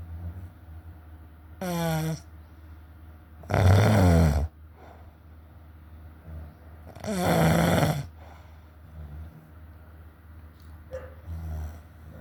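Loud, low, rumbling snores on three breaths, each about a second long, separated by quieter breathing in a small room; snoring.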